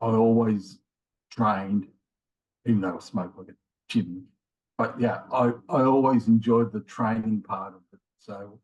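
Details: Man in his late 50s with mild aphasia after a left-sided ischemic stroke in January 2020; he has trouble finding words and getting them started; he also had multiple heart attacks and has rheumatoid arthritis; aphasia (mild, word-finding difficulty).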